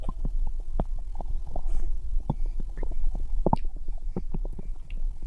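Low rumbling with scattered short gurgles and pops, continuous over several seconds: ordinary stomach gurgling, bowel sounds.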